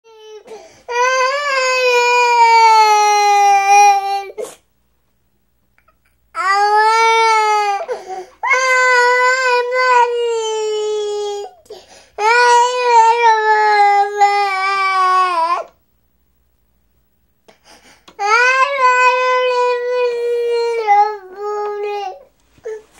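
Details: Infant crying, from a sound-effects recording: long, loud, high-pitched wails separated by brief pauses for breath.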